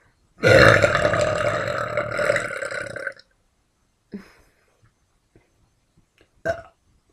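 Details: A woman burping: one long, loud, rumbling belch lasting nearly three seconds, then a few small throat sounds and a brief second burp.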